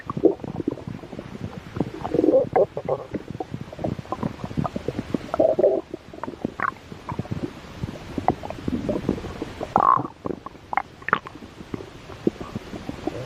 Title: Stomach growl.